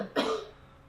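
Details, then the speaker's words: One short, soft cough burst from a female patient on hands and knees, demonstrating a self-assisted cough: head up and stomach dropped to hold air, then arching back and bringing head down; voluntary self-assisted cough. "she's going to drop her stomach and bring her head up to hold the air in and then she's going to Arch her back and bring her head down to do the"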